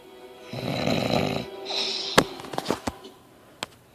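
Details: Snoring from someone who claims not to snore: one loud, harsh, rattling snore on the in-breath, then a noisy out-breath and a few clicks, with background music.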